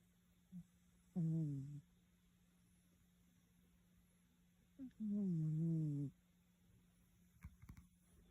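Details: Snoring black cat: two drawn-out, low, rumbling snores with short faint intakes before each, in a quiet room with steady background hum.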